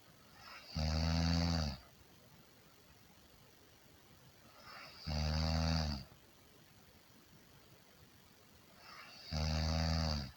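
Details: Regular loud buzzing snores on each in-breath, about 14 a minute, with quiet out-breaths between; steady heavy snoring.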